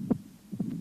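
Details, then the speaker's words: Cardiac auscultation at the apex in mitral stenosis: a snapping first heart sound, then second sound, an opening snap of the mitral valve and a diastolic murmur. "при митральном стенозе на верхушке слышен хлопающий первый тон щелчок открытия митрального клапана и диастолический Шум"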